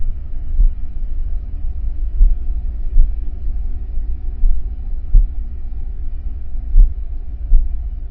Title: Heartbeat sound Bruit battement de coeur Suono battito cardiaco 1